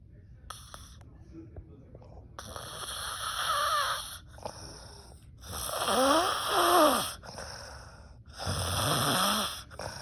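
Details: Adult woman snoring while asleep: loud, harsh, irregular snores with whistling, squeaky breath tones.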